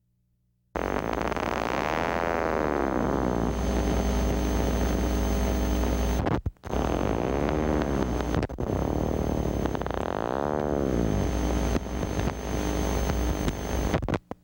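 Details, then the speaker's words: Needle EMG teaching example: rapid discharges waxing and waning in pitch and loudness, classic dive-bomber sound; myotonic potentials, indicating myotonic syndrome until proven otherwise. "If myotonic potentials are recognized by the needle EMG test, the patient is considered to have myotonic syndrome until proven otherwise."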